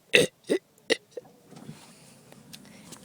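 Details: Person just woken up, trying to burp: three short burps in quick succession, then a faint one, over quiet room noise; belching.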